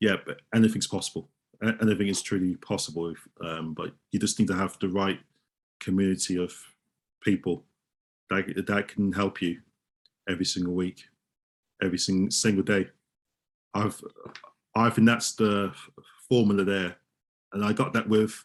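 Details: Adult male osteopath who stammers, speaking in a real interview, with word repetitions; stuttering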